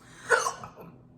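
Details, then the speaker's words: An adult talking to the camera makes a hiccup, then says they have hiccups. "that was the hiccup did you hear that anyways anyways oh my god i got hiccups"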